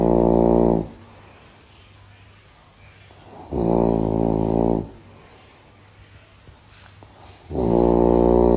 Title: Try Not To Laugh 🤣 Funniest Snoring Sound Ever!😅 #short #shortfeed